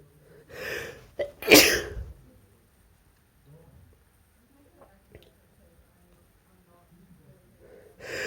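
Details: A male gives an induced sneeze: a quick indrawn breath, one explosive sneeze burst, then quiet breathing and faint room noise; a single sneeze.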